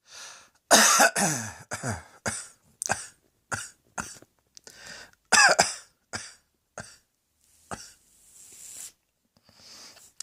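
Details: A run of about a dozen sharp, forceful coughs, some strongly voiced, with short gaps and quiet breaths between them: repeated coughing.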